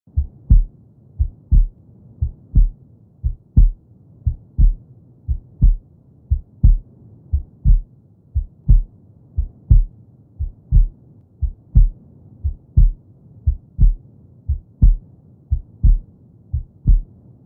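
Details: Recorded heartbeat sound meant to help a baby fall asleep: a steady, regular lub-dub at about 59 beats a minute, with a faint low hum behind it.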